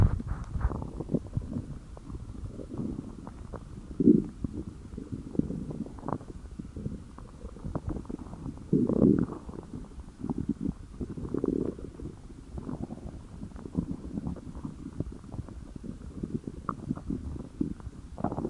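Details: Person's stomach growling: ongoing low gurgles and rumbles with louder bursts in places, normal bowel sounds (borborygmi).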